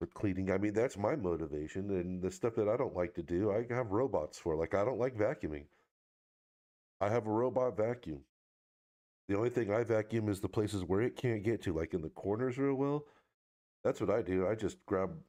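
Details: Adult man speaking; normal speech.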